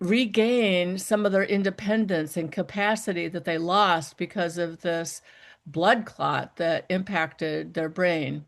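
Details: Adult woman speaking; normal speech.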